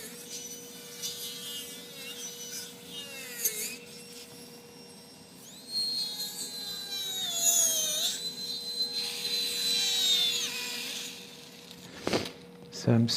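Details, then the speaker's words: High, whining grind of a 3 mm high-speed burr rising and falling in pitch, with suction hiss, drilling into the disc space beside the spinal cord during hemilaminectomy in a small terrier with an acute lumbar disc rupture and hind limb paralysis. "So, drilling into that disc space so that I can scoop out the rest of the disc, yeah."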